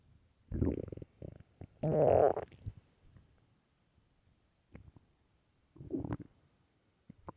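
Several gurgling, rumbling bursts with quiet gaps between them: ordinary stomach growling from gas and fluid moving through the gut.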